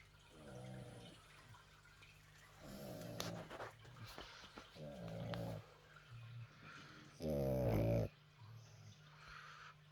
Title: snoring pugs